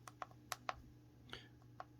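A run of six or seven sharp, separate clicks over steady room hum: keypad presses entering an unlock code on a PCA infusion pump.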